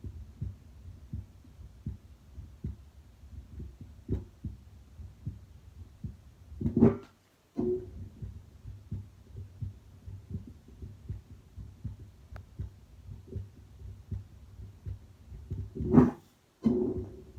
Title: Heartbeat auscultation stethoscope heart sounds at rest: pulmonic-aortic-Erb’s-tricuspid-mitral